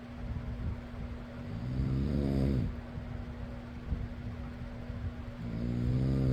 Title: fan noise + person snoring.